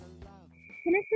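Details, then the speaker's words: Simulation of tinnitus from noise-induced hearing loss: a steady, constant high-pitched whistle over muffled, moderately hearing-impaired sound: tinnitus. "hearing loss from loud sounds is very frequently accompanied by a constant ringing in the ears the medical name for this ringing is tinitus"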